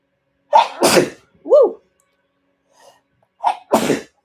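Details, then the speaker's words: Two sharp sneezes from an adult, each with a quick intake before the burst and a brief voiced exclamation between; the speaker had just announced needing to sneeze. Sneeze. "That's another thing that people wanted me to cover is I have to sneeze for confirmation."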